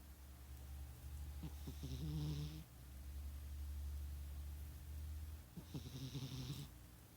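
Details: Sleeping cat snoring: two soft, fluttering snores, each on a breath about four seconds apart, over a steady low hum. Light snoring.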